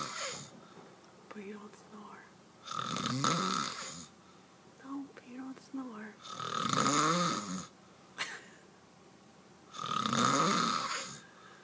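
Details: Adult man who denies snoring; loud, harsh rattling snores with each inspiration, about 17 per minute, separated by quieter breathing; heavy snoring.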